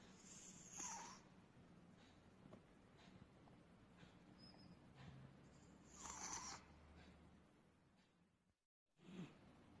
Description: Our 14-year old British Shorthair cat named Rudi is snoring and sleeping with his mouth open.